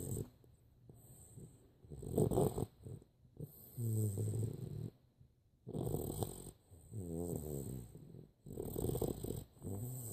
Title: snoring 12-15-14